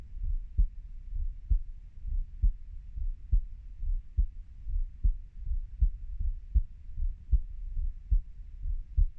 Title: my heartbeat sound 30 year